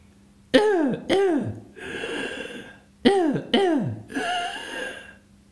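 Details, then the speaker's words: Croup (pseudocroup) in a child: harsh, barking coughs in pairs, each pair followed by a noisy, strained breath in. "klingt der pseudo krupp wenn sie das noch nie gehört haben ab jetzt das verspreche ich ihnen werden sie das nicht mehr vergessen"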